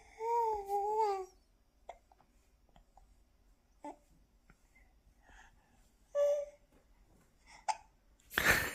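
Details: Baby with hiccups that won't stop: quiet room, brief babble, then short sharp catches at irregular intervals, about six over several seconds; infant hiccups.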